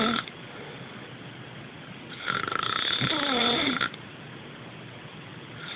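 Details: A single loud, rasping, gurgling snore between quieter stretches of breathing noise, recorded on an Android phone; snoring.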